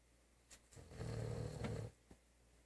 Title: German Shepherd snoring